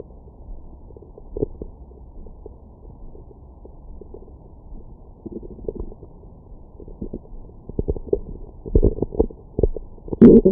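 Low gurgling and rumbling bowel sounds coming in irregular bursts, ordinary stomach growling after a meal.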